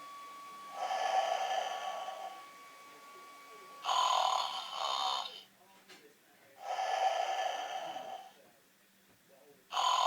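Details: Giraffe snoring: long, loud rasping snore-like breaths about every three seconds with quiet gaps between; snoring.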